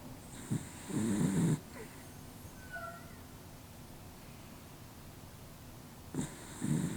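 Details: Snoring during sleep, recorded with a Canon R7 with RF-S 7.8mm dual lens and Rode Videomic Go II: two low rumbling snores separated by a long quiet pause, with faint room noise between them.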